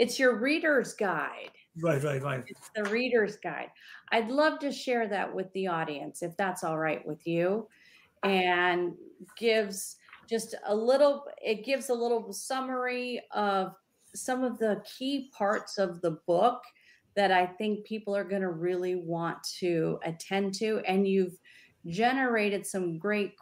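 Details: Adult woman speaking; normal speech.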